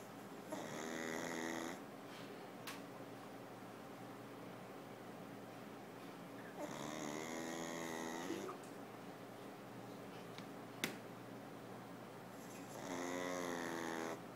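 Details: A sleeping pug gives loud, buzzy snores about every six seconds with quiet pauses between: steady, continuous snoring.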